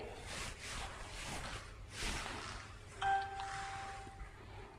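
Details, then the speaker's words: NIBP patient monitor switched on during a pre-operative anesthesia workstation check: a single short electronic chime over background room noise. "तो देखा कि ये NIBP जो monitor है ये on हो गई है।"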